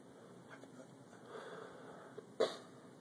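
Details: A person with hiccups in a hotel room: quiet room hiss, then one sudden short sharp catch of breath near the end; a single hiccup.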